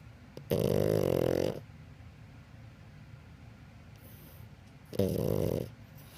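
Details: Snoring in a pug: two loud, rough, rattling snores about four seconds apart, each lasting about a second.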